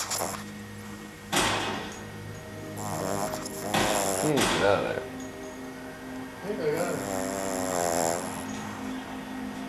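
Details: 13-week-old Boston terrier puppy snoring and nursing in his sleep, possibly dreaming: soft, squeaky, wavering snores and small snorts, faint background noise.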